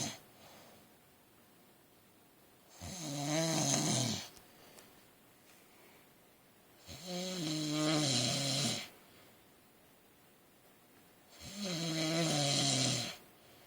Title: My husband still snoring his head off !!!!